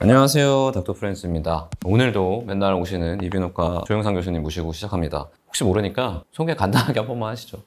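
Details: Adult male speaker; normal speech.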